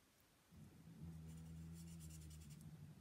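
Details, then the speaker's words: Low, droning snore from a sleeping, apparently exhausted dog, with faint scratching of a marker on paper nearby. "hear that that's the dog snoring wow he must be exhausted that dog sleeps all the time"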